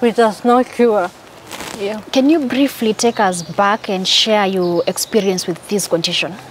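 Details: Adult interviewer; typical speech.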